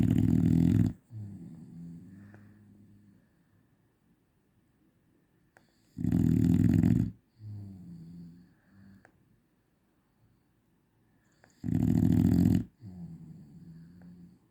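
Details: A dog snores loudly and roughly on each in-breath, about 10 breaths a minute, each followed by a softer rumbling, whistling out-breath.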